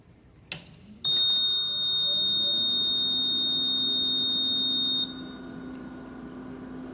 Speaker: you first turn the visionaire on note that you hear a four second beep this is basically a check to be sure that the alarm system is working it is normal for the machine to beat for four seconds continuously when first turned on